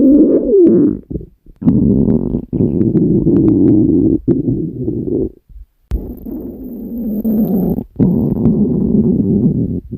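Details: Stomach growling (borborygmi) recorded from a woman while she sleeps: long, loud, bubbling growls with short pauses, a continuous gurgling rumble.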